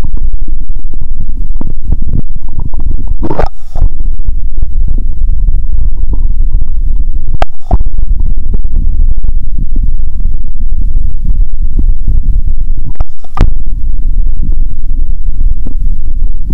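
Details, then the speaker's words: Stethoscope on own abdomen after fasting over 15 hours, in a role-played doctor visit that calls it hunger: low gurgling rumbles over steady stethoscope noise with brief scraping bursts, normal bowel sounds. "(👩) "Doctor, is my stomach noisy because of my illness?" (Doctor👨‍⚕️) "Let's hear the sound of the stomach!". (Doctor👨‍⚕️) "This is a hungry illness!"."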